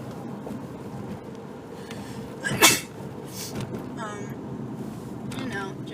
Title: Sneezing while driving!